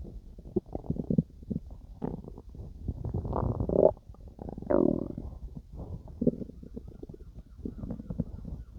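Irregular low gurgles and rumbling squelches come and go, with two louder, longer gurgling runs; ordinary stomach growling during digestion.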